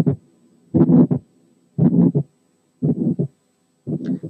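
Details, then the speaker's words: Pulmonary hypertension: regular cycles with a functional ejection systolic murmur, an ejection click, and a closely split second sound with a markedly accentuated pulmonary component. "نفس الفانكشنال ايجكشن سيستوليك مامر ممكن تحصل كجزء من الاوسكالتاتري مانيفستيشنز اوف بالمونري هايبرتنشن. وفي الحاله دي بيكون مع المرمر في ايجكشن كليك، والسكند ساوند بيكون كلوزلي سبليت، والسكند كومبوننت بتاعته اللي هي البالمونري كومبوننت بتكون فيري اكسنتويتد زي المثال الاتي."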